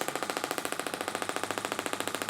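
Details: Radial shockwave therapy device firing over the muscle belly of the lateral hip, with dry needling in the same session, pain kept around 5 to 6 of 10: rapid, steady train of sharp mechanical pulses, roughly 14 a second.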